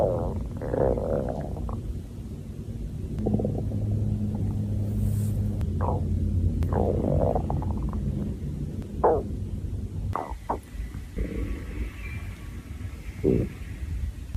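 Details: Hungry girl's stomach growling (borborygmi): irregular gurgling, squeaking and rumbling from the belly over a low steady hum.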